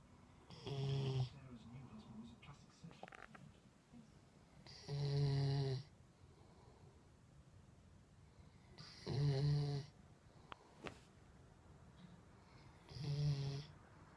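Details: Snoring during sleep: four rhythmic rattling snores, about 15 breaths a minute, in a quiet room.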